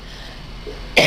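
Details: A person coughs while laughing as someone else narrates and makes him laugh.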